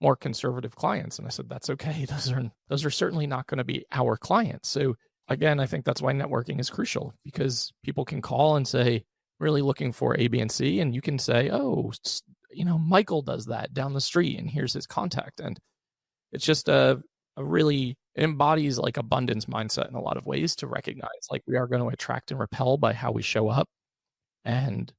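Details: Adult male with one vocal cord paralysed by open throat surgery for a rare chronic recurring throat condition, after 2021 endoscopic surgery; voice improved, still with vocal fry and tiring daily; unilateral vocal cord paralysis.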